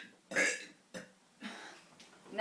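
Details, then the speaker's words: Two brothers deliberately burping: several loud, throaty, long burps in a row in a small quiet room. "They're really big and long. Need to get them wrong. about my belly. Oh, that was just loud."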